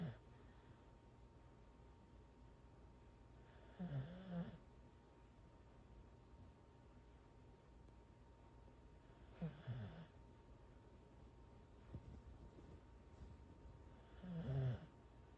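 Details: Soft snuffly snores roughly every five to six seconds from a Corgi asleep on the owner's legs, under steady room noise with a faint hum.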